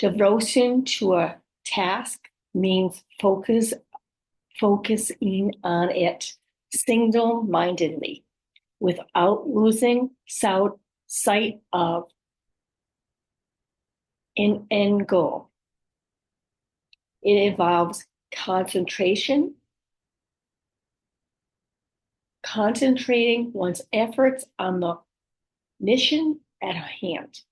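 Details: Adult woman with aphasia, apraxia of speech and dysarthria after a stroke, speech sometimes hard to understand; aphasia with apraxia of speech and dysarthria.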